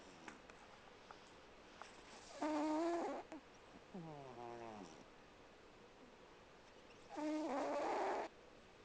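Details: 18-year-old cat snoring: two rough, buzzing inhalations with a softer, whistling breath between, in a quiet room.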